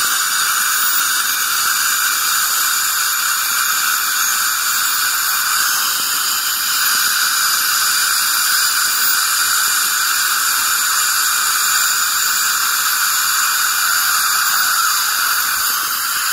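Steady high-pitched hissing whine with water spray, continuous throughout; an ultrasonic scaler removing tartar during routine dental cleaning.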